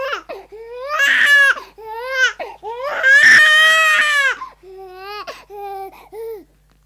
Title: Baby Crying Hysterically Sound Effect